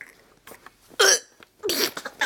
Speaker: mommy has a hiccups mommy has hiccups